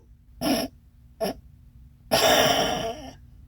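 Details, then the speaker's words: Imitated snoring, the fourth and most dangerous demonstrated type: two snoring breaths, a pause with no breathing, then a large gasping breath, demonstrating sleep apnoea. "有没有？就是呼吸到一半突然没有声音，然后再大喘一口气。这个就是睡眠呼吸中止症，"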